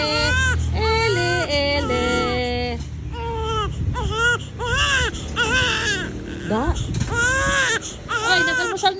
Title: Ang tindi ng iyak ni Baby